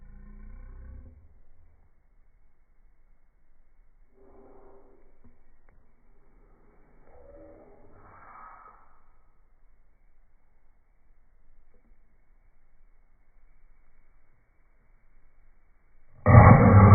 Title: Coughing in slow motion